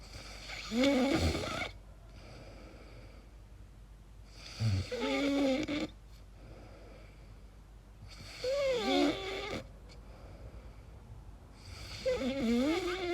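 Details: Own sleep recording: rhythmic snoring, about 16 breaths per minute, each ending in whistling, squeaky, warbling high-pitched tones; the person wonders whether it is snoring or sleep apnea.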